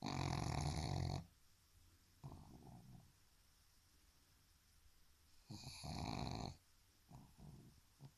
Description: Ozzy the snoring pug